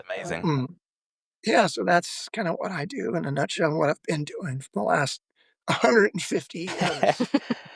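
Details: Adult male former lead vocalist who began losing his voice at the height of his singing career, with spasmodic dysphonia, the disorder audible in his speaking voice; spasmodic dysphonia.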